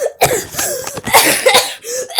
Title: Me coughing ( use 2× speed)